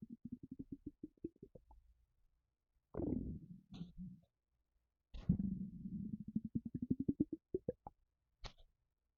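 Rapid low bubbling pops and longer gurgling rumbles; ordinary empty-stomach rumbling, harmless.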